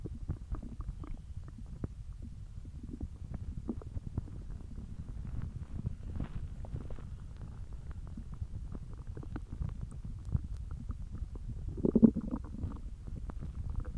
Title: Hungry Belly Noises